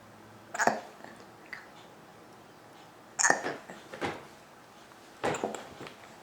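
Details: Big hiccups after dinner: three sharp, abrupt catching sounds a few seconds apart in a quiet room; hiccups.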